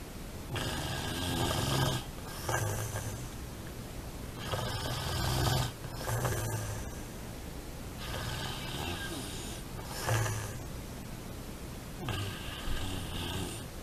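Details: Snoring: loud, rattling snores with noisy breaths between them, about 16 breaths a minute, somewhat irregular.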